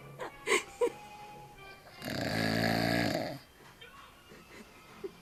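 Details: Father snoring while drunk after far too much beer: a single loud, rough, rattling snore lasting about a second and a half, with faint music and noise around it.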